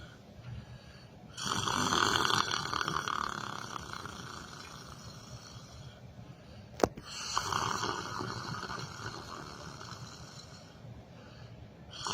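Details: A person sitting in a chair during yoga meditation, asleep and snoring: two long, rough, rattling breath sounds with a sharp snort between them over quiet room noise.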